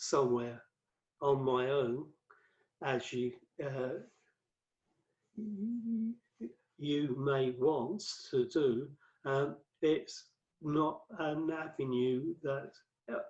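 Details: Adult male with aphasia after a massive 2013 stroke that left him paralysed and speechless for about three months before speech returned gradually; five strokes and a diagnosis of cerebral amyloid angiopathy; fluency affected, worse when tired or stressed; aphasia.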